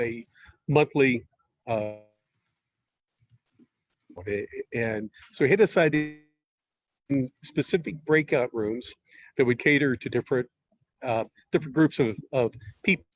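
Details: Stuttering presumed in an adult male podcast guest from a stuttering network, speaking in conversation with pauses and fillers.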